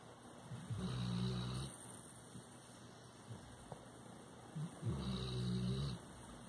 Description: Labrador Retriever dog Jackson snoring in his sleep.